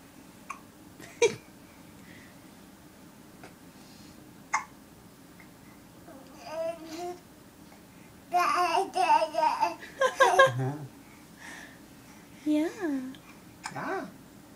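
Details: Infant just woken from a nap with hiccups: sharp, brief hiccup clicks at irregular intervals between soft babbling and coos, adult talk in the room.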